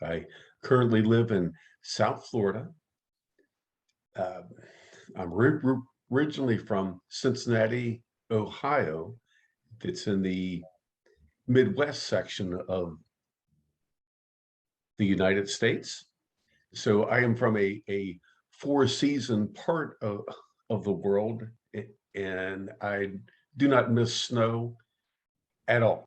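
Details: adult man who stutters, active in stuttering support community for over 25 years; word and part-word repetitions; stuttering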